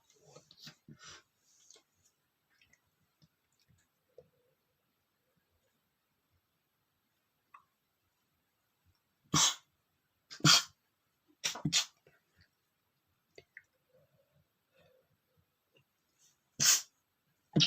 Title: sneezing male #11 (stiflied sneeze)